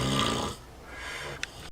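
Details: Oldest Vietnamese pot-bellied sow, asleep in her pen; a brief, loud, rough snoring breath, then quieter breathing and a faint click; ordinary snoring.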